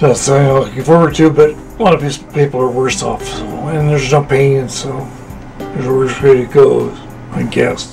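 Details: Ataxic dysarthria in an adult man with Machado-Joseph disease, a hereditary cerebellar ataxia affecting fine motor movement; recorded in 2013, he uses a wheelchair, says he can't write or talk, and later became bedridden and unintelligible.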